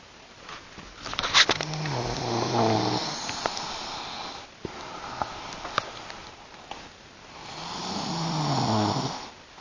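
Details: Woman snoring at night, two loud, rough, buzzing snores on the in-breath with quieter breathing between, in a small room: heavy snoring.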